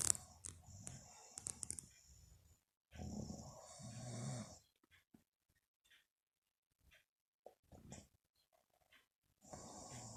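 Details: Mother snoring in sleep: irregular, rough, rattling sleep breaths with hissy, whistly parts and pauses between them.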